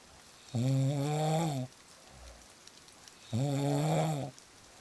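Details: Loud adult snoring: deep, buzzing inhaled snores about every three seconds, each about a second long, over faint rain.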